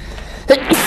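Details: A brief indrawn breath followed by a sharp explosive burst of air: a single sneeze over light background noise, from a BTS sneezing compilation.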